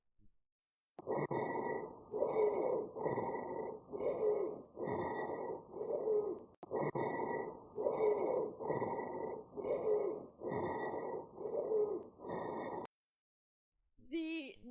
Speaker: Rhonchi is a lower pitch and has a snoring sound, then it's called Sonorous Rhonchi. Let's listen to Sonorous Rhonchi now.